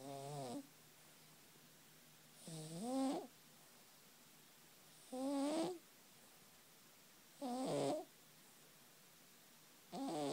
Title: Danny - Cat snoring